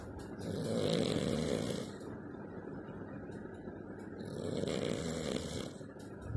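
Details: Two people snoring: slow, rough, rumbling snores on breathing in, about ten breaths a minute, with quiet breathing out between.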